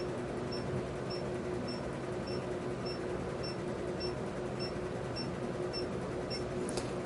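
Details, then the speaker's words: 532 nm pigment laser, 6 mm spot, 1 J, firing on hand lentigines: regular faint high clicks about every half second over a steady machine hum, producing the intended erythema. "I'm going to set my hand piece here at 532 nanm and uh 6 mm I'm going to go on your finger area as"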